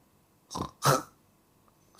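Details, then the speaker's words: An adult imitates snoring as two short, rough, rattling snorts in quick succession, on breathing in and out, to illustrate snoring as a sign of sleep apnea. "Ngorok itu adalah pertanda terjadi slip up nih. Jadi biasa gejalanya gini enggak? Ngorok itu terjadi bisa dua ya, inspirasi atau ekspirasi"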